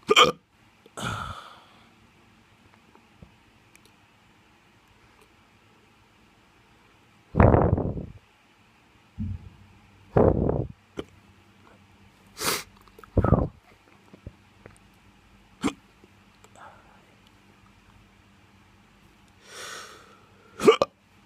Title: Drunk hiccups